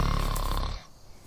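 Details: A man's acted snoring in a comedy sketch: a single loud, low rumbling snore lasting under a second before fading into quiet room noise.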